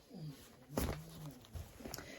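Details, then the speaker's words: Low, buzzy, rattling snores from a sleeping Shih Tzu, a small flat-faced brachycephalic dog, heard in a quiet room. "We have 2 Shih Tzus and a Pomeranian. It's the Shih Tzus that are snoring up the storm. You know, they have those little flat faces."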